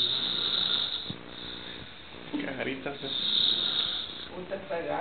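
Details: Adult man, the recorder's father, sleeping in Guatemala; rough, fluttering breathing noises with a steady high hiss and faint background sound: snoring.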